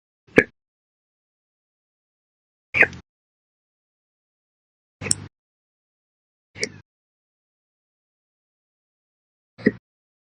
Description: I keep getting slow hiccups daily.